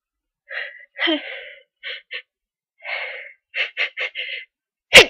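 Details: Run of powerful sneezes: several short, forceful breathy bursts ending in a sharp explosive sneeze.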